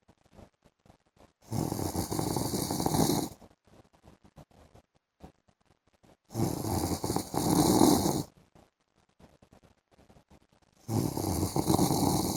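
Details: Loud, harsh snores about every four to five seconds with quiet between and faint room noise, from an adult man (husband) sleeping in the afternoon; heavy snoring.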